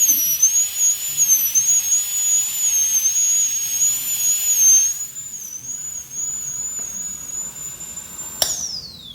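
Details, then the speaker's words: Dental high-speed handpiece cutting a functional cusp bevel, medial to distal, during full metal crown preparation of tooth #46 on a phantom jaw: high-pitched whine wavering as it cuts, then spinning down. "So the functional cusp bevel when I am going to give is that from the side of the bulb, from medial to distal."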